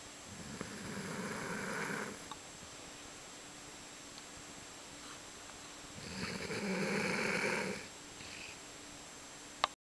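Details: Two slow, rough snoring breaths about four seconds apart over steady room hum, from a sleeper on a couch, recorded Feb 2010: snoring.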